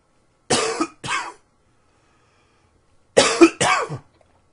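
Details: Four short, harsh coughs in two pairs separated by a brief silence, repeated dry-sounding coughing in spring with everything blooming.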